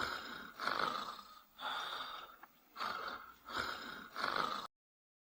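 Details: Dog snoring: rhythmic, harsh, snorting breath sounds with noisy in and out breaths, about one cycle per second.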